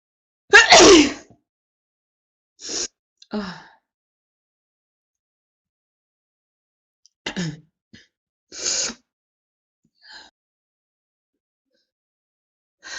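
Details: Woman in a prolonged sneezing fit: several sneezes in a row with gasping in-breaths between them; paroxysmal sneezing.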